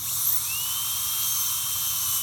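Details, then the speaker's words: High-speed dental drill with a steady high-pitched whine, cutting the lingual chamfer with a No. 12 chamfer bur under indirect vision, starting centrally and moving distally, during a PFM crown preparation for tooth 1; the lingual margin is meant to be 0.5 mm. "Okay, so I will start off here in the center"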